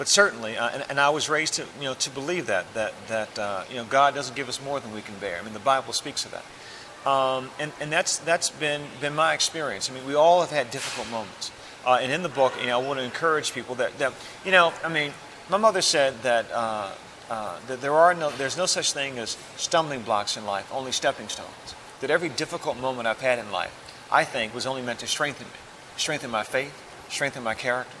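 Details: Adult woman with stuttering, still present but managed, with late-learned reading; stuttering.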